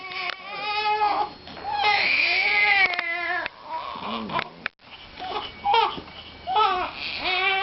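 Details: Infant cry: repeated wailing cries with breaks between them in a small room, from a baby brother said to have hiccups; an ordinary baby cry.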